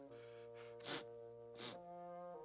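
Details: Animated film (Peter Pan, 1953): Captain Hook gives two sharp, breathy gasps over orchestral music just before sneezing.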